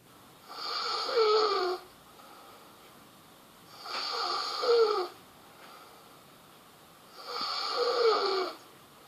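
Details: Young woman snoring during the night: three loud, fluttering snores on the in-breath at about 18 breaths a minute, with quiet out-breaths between.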